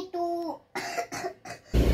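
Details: Young child coughing while reciting Iqra (Quran reading lesson); parent reports the child developed a fever afterward: short voiced sound, then a few quick, harsh cough bursts in a small room.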